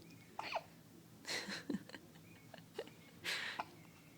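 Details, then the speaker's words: Persistent hiccups that won't go away, trying to sleep: several short, abrupt squeaky hiccups at irregular intervals, soft breathy noise between, quiet room; repeated hiccups. "'s got the hicups don't you bird huh don't you yeah mommy they won't go away"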